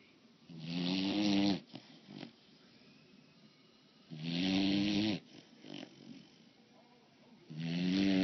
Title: She Snores.mov